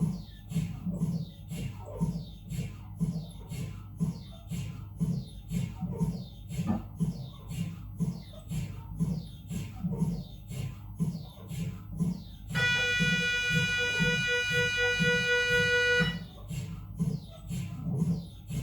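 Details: Loud rhythmic knocking about once a second, then a steady buzzing tone for several seconds: normal MRI scanner noise during a routine head examination on a Siemens Magnetom Avanto 1.5T.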